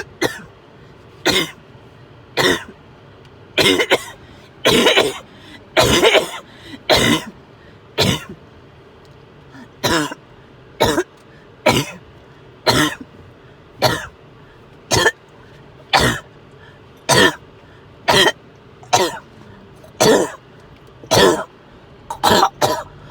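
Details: An adult with fever, overheated and sick to the stomach, coughing repeatedly: short, harsh coughs, some doubled, about once a second with brief pauses.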